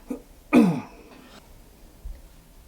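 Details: Cough.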